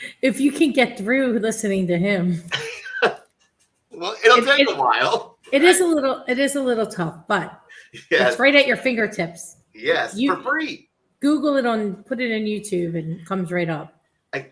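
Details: Adult speaker; typical speech.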